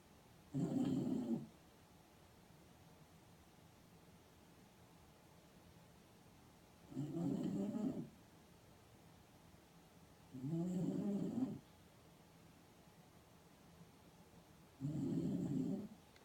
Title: Deepening the snore fest